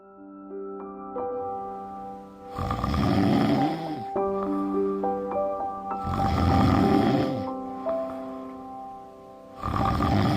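Loud rasping snores about every three to four seconds, each on a breath in, over soft background music; ordinary snoring.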